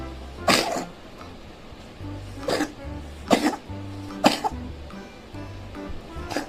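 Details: Cat sick with cat flu, also sneezing and with a runny nose, its housemate cats and kitten also ill: five short, harsh coughing bursts over a low background hum.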